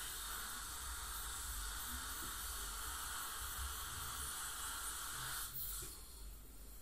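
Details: Ultrasonic scaler with suction during professional teeth cleaning by a dental hygienist; patient has heavy plaque and tartar buildup (possibly scaling with gingival inflammation or full mouth debridement). Steady high hiss and water-spray noise with a faint whine.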